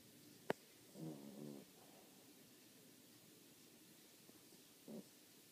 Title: Who's snoring?